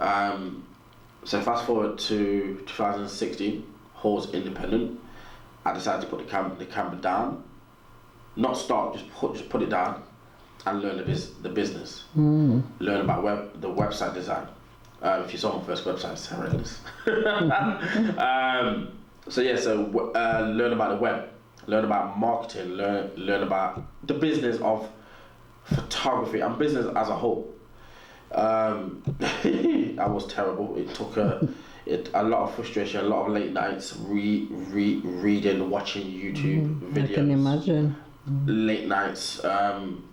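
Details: Adult man with a natural stutter, audible in his speech, which he has learned to work with; stuttering.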